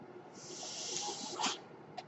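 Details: Mechanical ventilator sound heard behind the speaker, who says the noise is his own ventilator.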